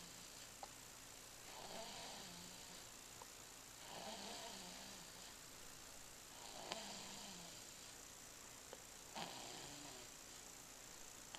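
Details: An infant snores softly and rhythmically, about 24 breaths a minute, with a low rattly flutter on each breath over steady background hiss.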